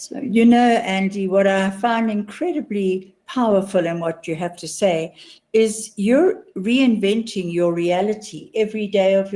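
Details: Adult woman speaking; typical speech.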